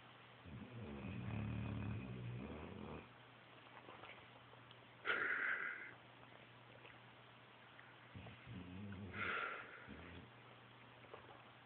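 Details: Bubba snoring, his jowls flapping as he breathes out: quiet rumbling breath sounds with soft snorting noises in a still room.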